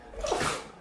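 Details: French bulldog: a single short, sharp, hissing nasal burst, an ordinary sneeze.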